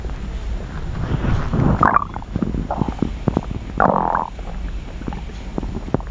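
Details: Stomach growling recorded as ASMR: low gurgling, sloshing rumbles with brief crackling pops from an adult abdomen; active bowel sounds (borborygmi).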